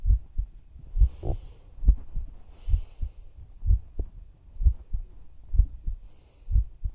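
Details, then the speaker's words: ASMR recording of a woman's own heartbeat heard close to her chest while lying down, soft calming "toku-toku" beats; normal heart sounds. "トクトクってすごい落ち着いて寝れるね、これ。"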